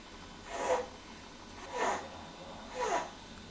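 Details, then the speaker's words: Child with breathing difficulty in a pneumonia education video; three harsh, rasping breaths at about 55 a minute, stridor from a narrowed upper airway. "this is called strid all or like this sound which is called wheezing these sounds do not always indicate pneumonia but they are still very serious problems and you must take your child to a health worker or nearest health post at once"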